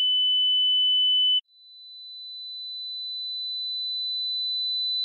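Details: Tinnitus pitch-matching test using pure sine-wave tones from 200 Hz to 14000 Hz: steady pure high tones, one then a slightly higher one, for finding the frequency of one's tinnitus.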